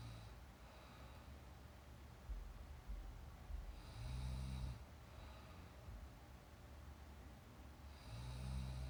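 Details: A young woman snoring during a filmed nap with real sound: low rumbling sleep breaths with snoring noise on some breaths, over steady room hiss.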